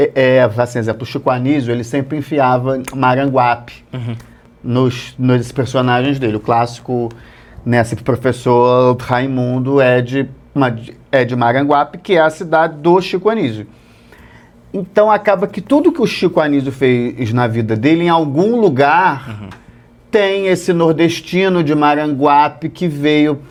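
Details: Stuttering since childhood in an adult male comedian; it runs in his family, and he stutters at some times and not at others.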